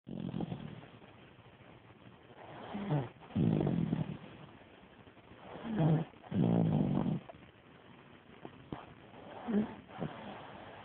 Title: Pootie snoring